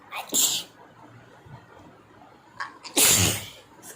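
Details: Mix of real and acted sneezes, with "Achoo" and "Excuse me" said around them: two sharp, explosive sneezes, each after a short in-breath; sneezing, possibly acted.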